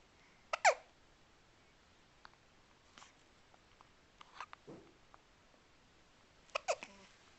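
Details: Hiccups in a quiet room: a few abrupt, short voiced catches spaced seconds apart.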